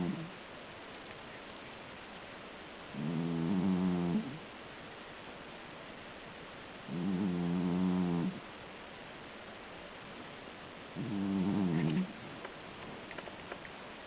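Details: Three loud, fluttering snores on the in-breath, about 15 a minute, with quiet pauses between them; snoring.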